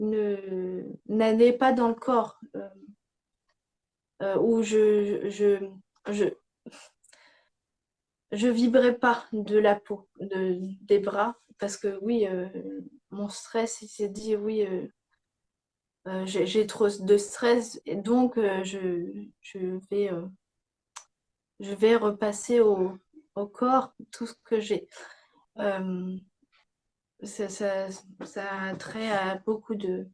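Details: Young woman with post-stroke aphasia after a stroke at age 22; words come more slowly than before and grammar had to be relearned; aphasia.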